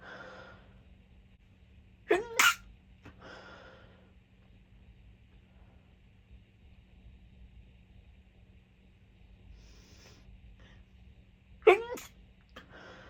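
Two sharp explosive sneezes, each with a quick intake before it, separated by quiet with steady background hum; ordinary sneezing.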